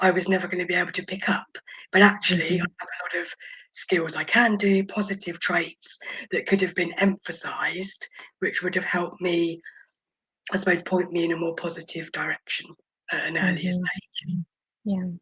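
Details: Adult woman, a former preterm infant who spent about 5 months in the NICU, mostly on a ventilator and oxygen, with vocal cord paralysis attributed to the ventilation: vocal cord paralysis.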